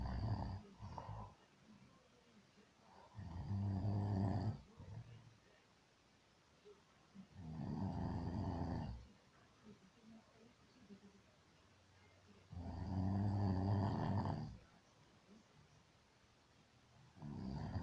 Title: He says he don't snore